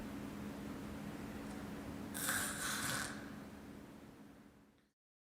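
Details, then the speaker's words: A single harsh, snoring gasp against a steady background hum: agonal breathing (gasping), which is not true breathing, in a victim in cardiac arrest. "gasping or agonal breathing is not true breathing do not confuse it with normal breathing the victim is in cardiac arrest"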